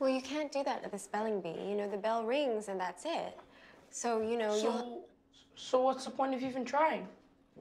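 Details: Adult speaker in an acted film scene; typical speech.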